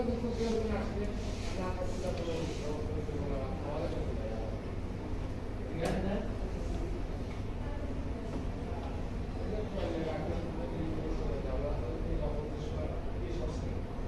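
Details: Vocal tics in a male patient with Tourette syndrome, a neurological disorder, presenting with motor tics in different body parts along with abnormal sounds.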